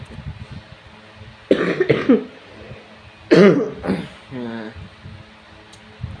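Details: An adult with a cough while fasting during Ramadan: two pairs of forceful coughs, with a brief voiced sound between them and faint room noise.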